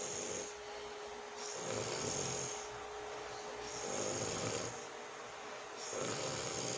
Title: watch me sleep #asmrsleep #relaxing #snoring #sounds